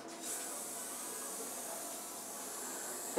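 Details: Steady airy hiss of a dental suction device running during a young boy's first dental appointment, an exam after staff let him handle the tools.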